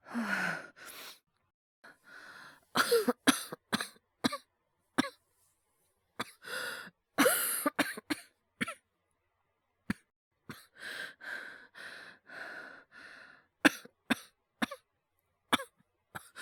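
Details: Acted cough voice by a male voice performer, all performed, no dialogue: short single and clustered dry coughs with throat clearing and breathy gasps between; simulated cough, not real illness.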